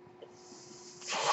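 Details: The speaker's own mechanical ventilator, recorded during his talk: a faint steady hum, then a rising rush of airy hiss as the machine delivers a breath. Mechanical ventilator airflow.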